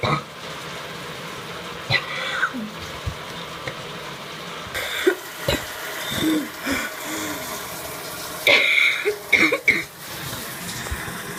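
Wet throat clearing, coughs and spitting over running shower water; a productive cough bringing up phlegm.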